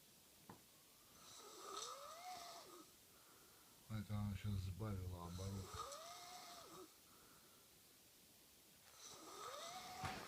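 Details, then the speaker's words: A wife snoring in her sleep at 3 a.m.; she doesn't believe she snores. Loud, rattling snores on the in-breath with softer whistling nasal breaths between them. "в качестве доказательств хочу заснять вам хрюкающие животное время 3:00 ночи это жаба в своём болоте исполняет Лунную сонату"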